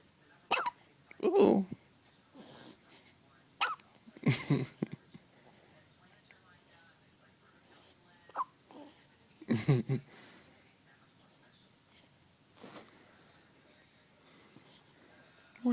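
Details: One-day-old baby boy with hiccups: several short, sudden catching gasps spaced a few seconds apart, with quiet room sounds between them; newborn hiccups.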